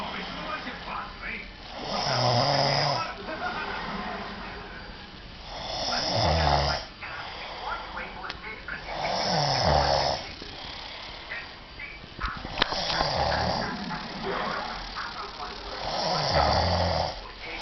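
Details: Loud rhythmic snores about every four seconds, each with a low rumbling part; from a cartoon or film; snoring.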